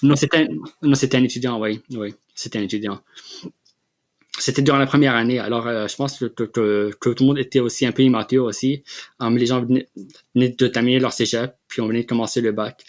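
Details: Adult man who has stuttered since childhood and has had speech therapy, speaking French in an interview; stuttering.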